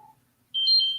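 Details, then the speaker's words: Glucose monitor alarm signalling blood sugar too high or too low; owner suspects low sugar: faint tone then steady high electronic beep. "And when you cause uh, PTSD, that's my alarm, people, that goes off telling me that my either my blood sugars are too high or they're too low."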